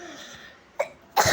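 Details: Two short, sharp, dry-sounding coughs in quick succession, the second louder, during a drawing recording; the person apologizes for coughing.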